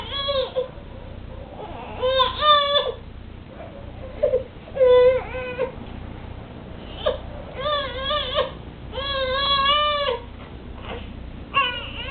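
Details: Infant crying and coughing during tummy time: repeated high-pitched wails with a few brief sharp sounds that may be small coughs.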